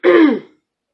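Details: Adult woman whose voice tends to give out, repeatedly clearing her throat, which she attributes to her asthma medicine; throat clearing.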